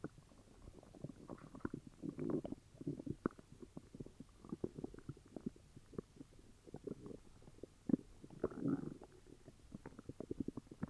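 Low gurgling, bubbling rumbles and clicks from the abdomen, active bowel sounds of an upset stomach.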